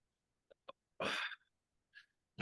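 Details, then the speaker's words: Dog recovering from kennel cough gives a harsh, forceful lingering cough with a couple of small puffs before it, while sitting next to the owner. "u know my dog Cosmo who's appeared a few times kind of got kennel cough but he's getting better it's just the remnant of that cough"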